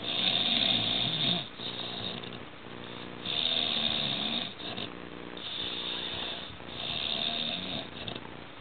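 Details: Man snoring extremely loudly while asleep after drinking several alcoholic beverages, and he reportedly almost choked on vomit while sleeping: loud, harsh rattling snores repeating with each breath over a steady room hum. Heavy snoring.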